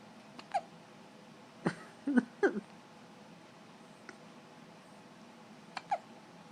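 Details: 1-week-old baby with hiccups: soft, sharp little gulping catches in small irregular clusters in a quiet room; infant hiccups.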